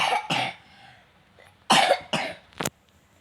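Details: A child's cough: a run of harsh, fairly loud coughs, four or five bursts in three seconds.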